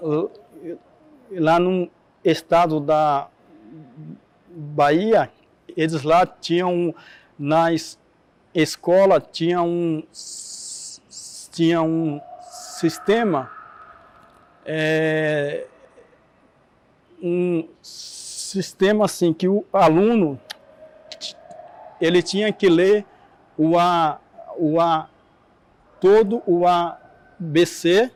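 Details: Adult Portuguese-speaking man who stutters, heard speaking with stuttering.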